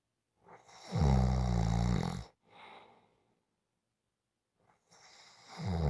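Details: Deep, loud rattling snore on the breath in, then a softer breath out and a pause before the next snore begins; snoring.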